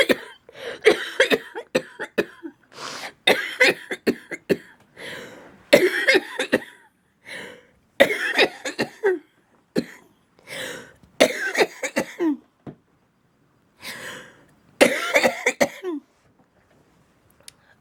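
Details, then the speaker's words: A woman with cystic fibrosis has a long run of harsh, wet coughs in repeated bursts, with brief gasps and pauses between clusters. She describes her typical hard, long coughing fits: a productive cystic fibrosis cough. "so yeah my cough tends to be pretty obnoxious like hard long cough fits and um I you guys have seen that in the Vlog"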